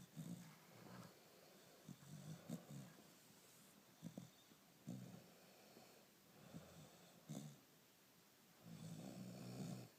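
Repeated low, rough snoring breaths at an irregular rhythm, with soft snorts between, in a quiet room: snoring.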